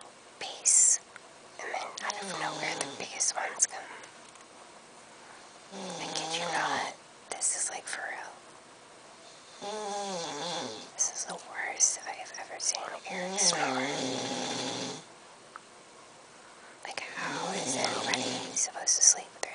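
Repeated raspy, fluttering breathing noises during sleep, several in a row with quiet gaps between; snoring.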